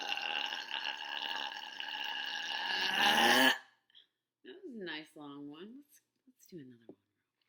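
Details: Some good long burps: a long, loud, rumbling burp lasting several seconds, followed by a few short voiced sounds; belching.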